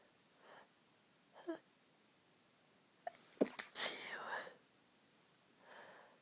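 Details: Suppressed sneezing while trying to sneeze quietly when next to a sleeping friend: several soft, stifled sneezes with quiet breaths between them.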